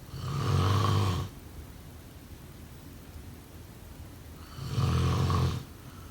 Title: #snoring #sleepnoises #snoringasmr #snoringsleepingsoundeffect #snoringsounds